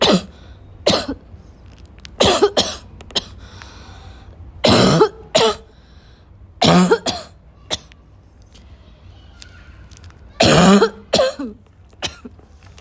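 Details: Afternoon coughing fit in a girl (per hashtags) that started weak and grew violent: repeated harsh, irregular coughs mixed with throat clearing and snorts.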